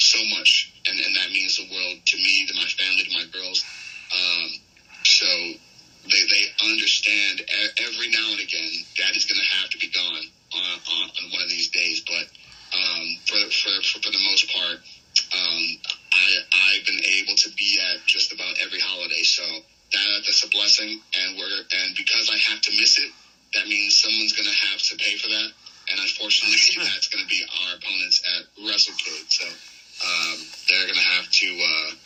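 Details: Adult male with a self-reported stutter, long causing nervousness about speaking, which he says goes away when cutting promos; real, unscripted podcast conversation; finding: stuttering.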